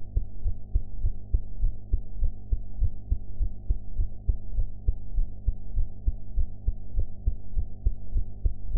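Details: Own heartbeat recorded after eating, audio enhanced: regular low thumping at about 100 beats a minute over a steady low hum.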